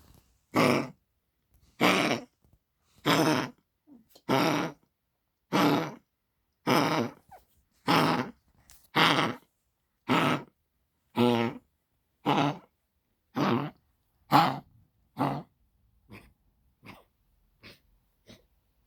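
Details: Dog named Pixel coughing when moving, recorded for the vet: long run of harsh rhythmic coughs about one a second, fading toward the end.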